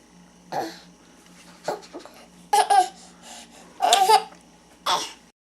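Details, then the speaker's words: Hiccups interrupting a baby's laughter while mom makes him laugh; short, abrupt catches break up the laughs, with a steady low hum behind. "Uh-oh. You have the hiccups now. Should we do this side? You have the hiccups. Uh-oh, they're juicy."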